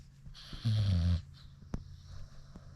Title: British Bulldog tired after Sherp ride. snoring with eyes open